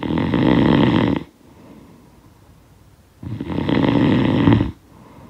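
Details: Snoring sound effect of a sleeper: loud, rough snores on each breath in with quiet breaths out between; ordinary snoring.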